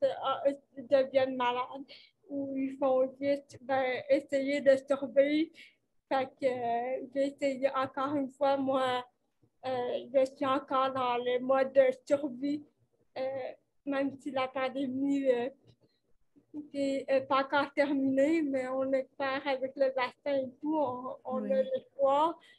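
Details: 29-year-old woman with cerebral palsy caused by lack of oxygen at birth, speaking French in an interview; she appears to mention speech difficulties; finding: dysarthria (cerebral palsy).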